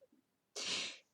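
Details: Adult reading poetry aloud in a recorded session: a brief quiet intake, then a single sudden, explosive, hissing burst of air; one ordinary sneeze.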